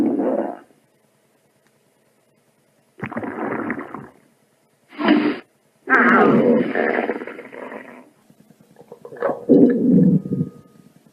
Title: stomach growling